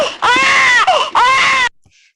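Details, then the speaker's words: Control infant cry stimulus from an fMRI scanner study of mothers on maternal brain stress: a 5-second sample of two loud, high-pitched wailing cry bursts with a brief catch of breath between. "So I'm going to play just a 5-second sample of the control baby cry so that you kind of know how this cry sound will sound like, and then imagine yourself being in the scanner and then listening to this."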